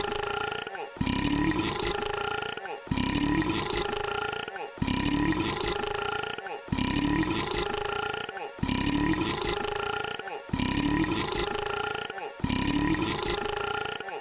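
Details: Long, deep, roaring burp repeated about eight times in fourteen seconds, each nearly identical with brief breaks between; repeated burping.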